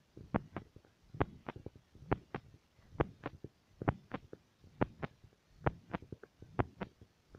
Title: Heartbeat stethoscop 2,1g